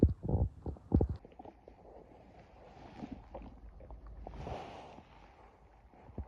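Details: Stomach rumbling (borborygmi) from an empty, hungry stomach: low growling and gurgling bowel sounds with irregular bubbling.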